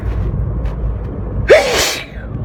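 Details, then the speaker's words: Person with repeated, uncontrollable sneezing and watering eyes while driving a car; a single loud sneeze with a short intake of breath before it, over steady engine noise: sneeze. "so I wish I wasn't sneezing all the time it's pretty hard it's all my body"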